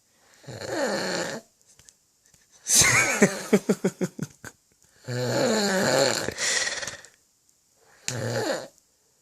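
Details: Loud harsh rattling snores with fluttering, sputtering breaths between them from a very drunk adult man, heavy snoring.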